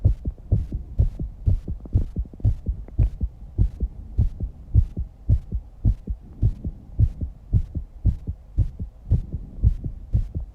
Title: Fast 19 year old girl Heartbeat and Heavy Breathing After Exercises and some breathing holding.